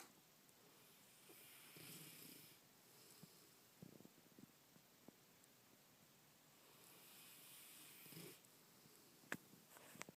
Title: snoring 1